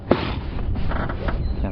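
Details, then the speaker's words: Safari guide imitating a giraffe sneeze: a sharp nasal burst followed by a rough, low blowing snort; human imitation, not a real giraffe. "you want to know if giraffe sneeze and can I imitate it um I probably heard the OD giraffe sneeze H yes they go like this they"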